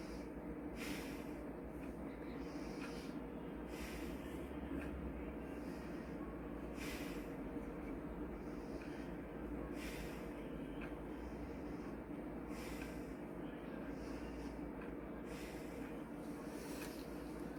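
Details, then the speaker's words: Lung auscultation through a stethoscope while the patient breathes deeply to rule out disease: repeated soft rushing breaths over a low hum, with no added sounds; normal breath sounds. "seguimos con la puntuación respiratoria donde les pediremos a nuestro paciente que respire profundamente para así nosotros descartar la presencia de patologías"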